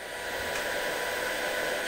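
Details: LEEL ozone (O3) CPAP cleaner running 30-minute cycle through AirSense 10 hose: steady, quiet hiss of air being pumped; ozone cleaner running.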